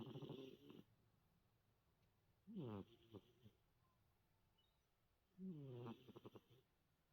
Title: cat snoring